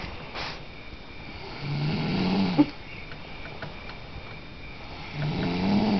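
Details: A woman asleep ("knocked out") snoring: two low, rumbling snores about three seconds apart, faint click between, quiet room; ordinary snoring.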